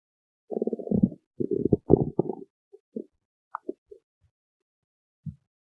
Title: stomach growling